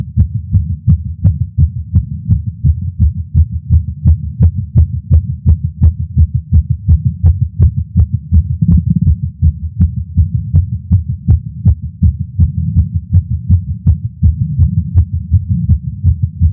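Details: Male's heartbeat recorded with a Stemoscope stethoscope while smoking a cigar after not smoking for a while, feeling lightheaded: fast, regular beat about 165 per minute; nicotine-related tachycardia.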